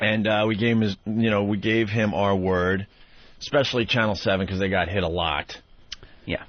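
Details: Adult male speaker; Normal speech.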